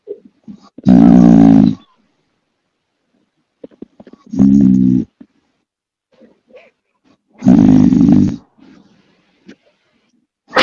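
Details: Young male friend snoring: three loud, deep, buzzing snores spaced several seconds apart, with faint sounds between.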